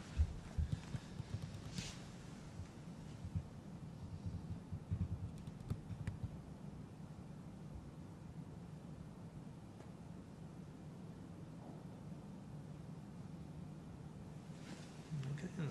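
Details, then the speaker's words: Normal bowel sounds auscultated over the abdomen during a clinical abdominal examination: low, soft rumbling with a few brief gurgles, described as gurgling away quite normally. "to be gurgling away quite normally and of course what i'd normally do is complete the examination by examining your rectum"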